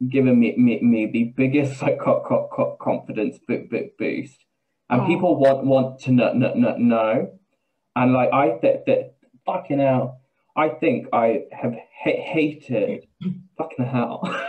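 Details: Vocal tics with word and syllable repetitions (palilalia-like) in an adult male business owner with Tourette syndrome, speaking in a real interview.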